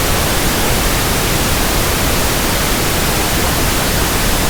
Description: Pink noise sound for tinnitus sound matching, ringing in ears, pink noise comparison, and tinnitus frequency testing.